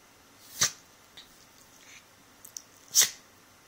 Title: Phoebe - Sneezing and wrestling